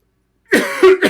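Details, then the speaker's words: Cough from a man during a live day-trading stream. "me guys I'm terribly sorry for the cough I know that nobody wants to hear that I'll try to remember to mute myself when I'm doing that"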